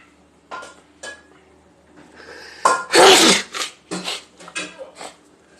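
Quiet room sounds, then one loud, explosive, hissing sneeze followed by a few softer breaths and sounds; a single sneeze.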